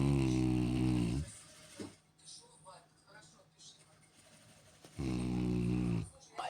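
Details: Snoring during sleep, with someone telling the snoring boy to stop: two long, deep, buzzing snores about four seconds apart, with quiet breathing and faint room sounds between.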